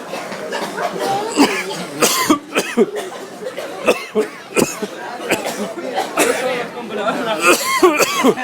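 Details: Pilgrims in Jerusalem cough en masse, many people coughing repeatedly at once amid crowd voices, after "Cheryomukha" irritant gas was sprayed to separate two fighting women; coughing from tear gas exposure.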